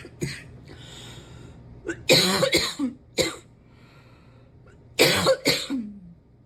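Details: Persistent cough in an adult: two bursts of harsh, loose-sounding coughs that are still hanging on.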